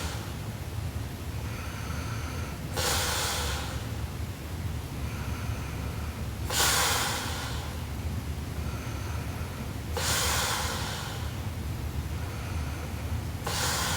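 Loud, harsh snorting breaths repeating about every three to four seconds during sleep; heavy snoring.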